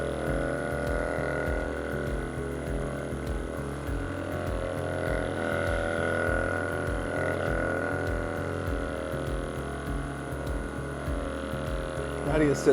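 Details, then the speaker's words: Steady low motor hum with rapid rhythmic pulsing from a percussive vibration massage tool, used by a chiropractor on the hip and pelvic muscles of a pregnant woman lying on a drop-table, for pelvic dysfunction with a short leg. "We have a vibration tool, but I can also use my hands if this is a little too stimulating."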